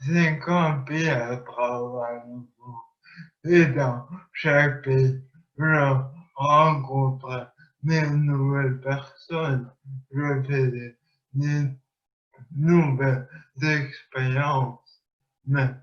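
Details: Man with speech impairment after traumatic brain injury, who has undergone rehabilitation and relearned to speak.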